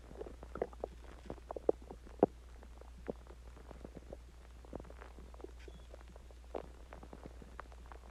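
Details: Irregular bubbling gurgles and squeaks from the belly; stomach growling after eating Chinese food and drinking water.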